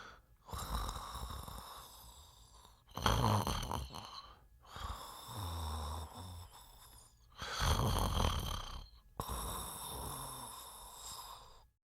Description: Sounds of a person snoring while sleeping.